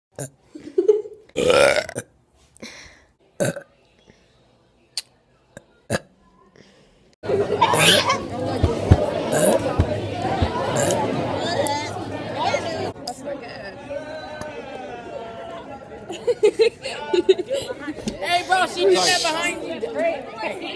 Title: me burping